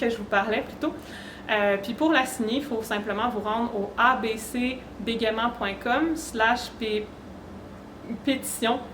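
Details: Real stuttering in an adult woman who states she stutters.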